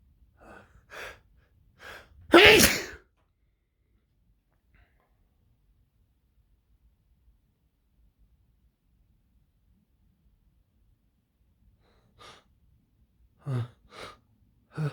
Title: More sneezing and build ups (M)